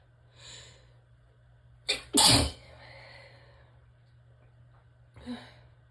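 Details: Relaxed sneezing: soft inhalation then a quick forceful double sneeze, followed by a breath.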